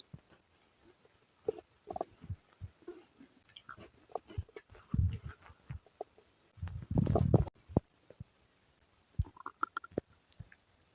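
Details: Low gurgling, squelching rumbles in irregular bursts with a longer rumble near the end; stomach and bowel rumbling (borborygmi) accompanying diarrhea and flatulence.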